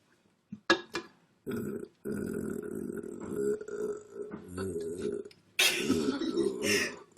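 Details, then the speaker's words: Burping after drinking Coca-Cola, with air coming up in little bubbles: a few short gulps, then long, rumbling belches in a small room. "that was messed up oh my gosh no like air kept coming up in little bubbles that was weirdo Coca-Cola"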